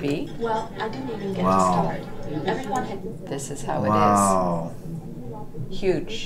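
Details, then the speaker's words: A simulation of how a man with hearing loss (about 60% clarity) hears conversation: muffled, unclear speech in which the man's voice is passable but the woman's voice is very hard to make out. "because the first one sounds like this to frank through his ears so it's sort of like the guy's voice isn't bad but the woman's voice is like somebody's gotta even hear it"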